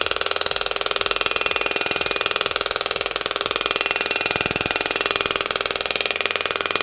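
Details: Extracorporeal shock wave therapy handpiece (Shockwave Pro) with tip 5 on a cellulite preset stated as 2500 impacts, 10 Hz and 100 mJ, on the operator's own thigh with ultrasound gel and described as painless. Rapid, even mechanical tapping heard at about four pulses a second.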